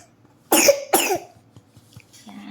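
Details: Young child being treated for pneumonia; two sharp coughs in quick succession, followed by quiet room noise.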